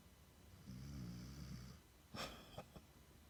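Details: 6-month-old Siberian Husky asleep: a single soft, low fluttering snore followed by brief snuffling noises; snoring.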